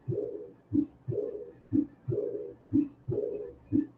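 Regular heart sounds at about 60 beats a minute, each followed by a soft, rumbling sound that fills early diastole after the second sound. This is the diastolic murmur of pulmonary regurgitation, heard best at the upper left sternal border and much softer than aortic regurgitation.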